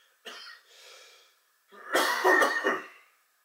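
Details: Coughing fit during indoor meditation: a soft throat-clearing cough, then a louder burst of several harsh coughs in quick succession in a quiet room.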